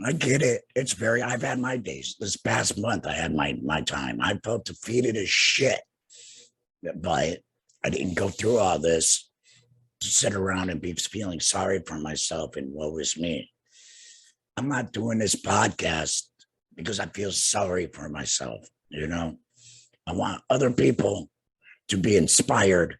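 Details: Adult man two years after total laryngectomy for cancer, also treated with radiation and chemotherapy; no larynx, breathes through a neck stoma, speaks via tracheoesophageal puncture voice prosthesis with an HME: tracheoesophageal speech.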